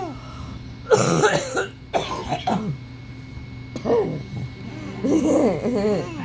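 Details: Two deliberate, harsh voluntary coughs from an adult grandparent in a quiet room, followed by a young grandchild's high-pitched giggles and vocal sounds.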